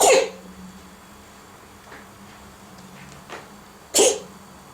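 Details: Cat coughing: two short, sharp expulsive bursts separated by a few seconds of quiet room noise.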